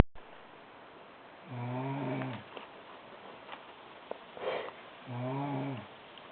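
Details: Loud snoring from a sleeping woman (sister): two low, buzzing snores on in-breaths, with quiet pauses and faint rustling between them.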